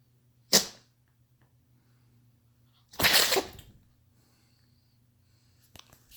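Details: Two sharp, hissing sneeze bursts a couple of seconds apart, with faint room hum, after which someone comforts her as "baby girl"; ordinary sneezing.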